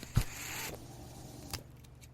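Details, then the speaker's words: A home ventilator cycles through breaths: a mechanical click, a half-second rush of air, then another click. The user notes the noise is their own ventilator as they begin recording a podcast. "hello everyone my name is that noise you're hearing is my ventilator"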